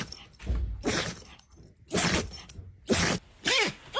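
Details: Dog giving a big sneeze: several sharp, explosive bursts of air, the last trailing into a brief whine; repeated sneezing.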